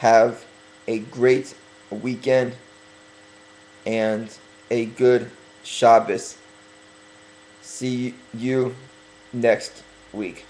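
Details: Stuttering in a male speaker who is working on his stuttering and deliberately talking slower to correct it.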